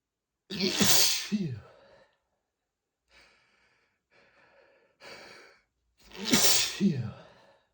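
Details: Repeated sneezing from an allergy flare triggered by dust while cleaning a bookshelf: two loud, explosive sneezes with sighing breaths and sniffs between them.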